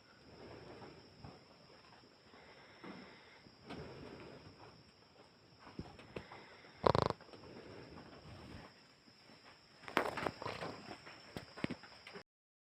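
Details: Boyfriend snoring during sleep: quiet, irregular snorting breaths with rustling and a steady electronic hum in the room.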